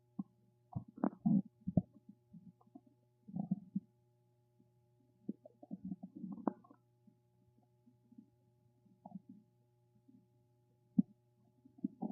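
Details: Repeated low gurgling and bubbling rumbles in irregular bursts as gas and fluid move through the gut; stomach rumbling (borborygmi).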